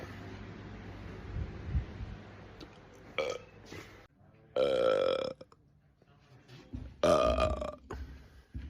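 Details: Three throaty burps, two long and loud, from a man in a burp compilation with Italian speech nearby; repeated belching.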